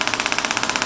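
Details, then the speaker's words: Radial pressure wave therapy handpiece on a patient with plantar fasciitis, at 2.5 bar, treatment of 2,000 impulses taking about two minutes: rapid regular tapping pulses, about sixteen a second. "the total treatment time is using the device here 2,000 impulses which basically cake takes about two minutes"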